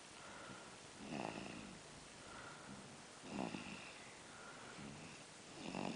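Soft, regular snoring breaths about every two seconds under heavy background hiss; light snoring.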